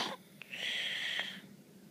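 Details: One high, whistling, thin nasal breath lasting about a second from a sleeping baby; snoring.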